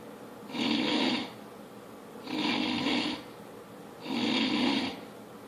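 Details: Man snoring: three loud, rasping snores on each in-breath at roughly 30 breaths a minute, with quiet out-breaths between.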